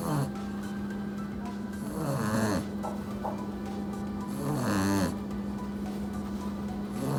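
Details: Puppy napping after hard play, snoring loudly: two loud, rattling snores about three seconds apart over a steady background hum and soft music.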